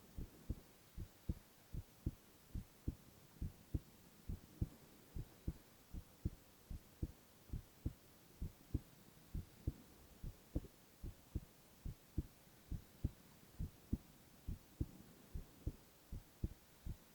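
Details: Silent ASMR recording of a young man's heart sounds only: steady soft double heartbeats at about 70 a minute with a faint background hum; normal heart sounds.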